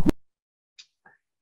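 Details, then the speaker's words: One sharp whoosh then two fainter short sounds per beat: normal multiphasic (triphasic) arterial Doppler signal, with large systolic forward flow, brief late-systolic/early-diastolic reversal, and small late-diastolic forward phase. "so these are representations of multiphasic flow and it sounds like hopefully you this can hear that"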